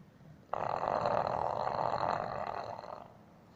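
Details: English bulldog snoring while asleep: a single long, rough, rattling breath of about two and a half seconds, a typical loud dog snore.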